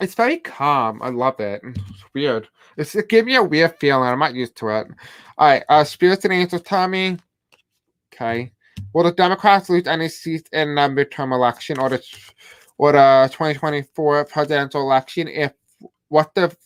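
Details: Adult male host who states he has a deaf accent and difficulty pronouncing certain words; deaf speech (deaf accent).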